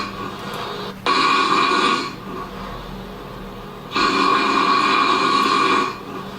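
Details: Loud snoring in a person with daytime sleepiness, at a snoring and sleep-apnea clinic: two long, harsh, rattling breath sounds, each one to two seconds, separated by quieter breathing.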